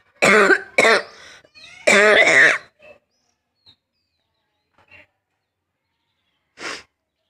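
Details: Person with a cold and existing cough, doing a coughing challenge on a rooftop, says it is a real cough that burns the throat and chokes breath: three harsh, forceful dry coughs, faint breaths, then a softer cough.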